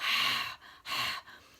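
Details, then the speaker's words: Demonstrated huff (forced expiration technique) for a woman after a cesarean birth, to clear phlegm without painful coughing: deep breath, then forceful exhalation through an open mouth and throat. Two forceful, breathy open-throat huffs without cough closure. "so go and try and get a bit of constriction on the back of the throat just kind of huff and visualize different parts of your lungs that you're aiming to clear"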